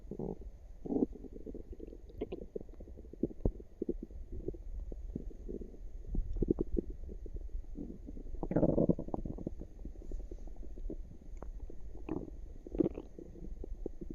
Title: Cute active tummy with some burps at the end